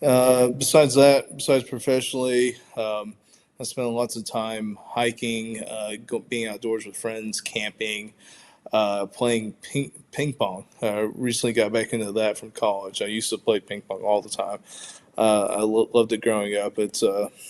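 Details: Stuttering in an adult man who stutters: pronounced in childhood with blocks, and severity varies from day to day; repetitions are heard here.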